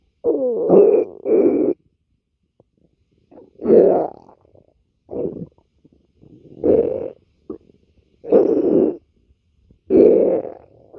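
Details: Girlfriend's stomach growling: repeated gurgling, rumbling bursts separated by quiet gaps, normal bowel sounds (borborygmi).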